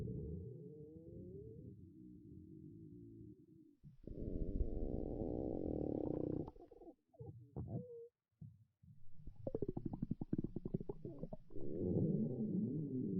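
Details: A girl's stomach growling (borborygmi), listened to directly: low rumbling and gurgling with bubbly bursts and long growls.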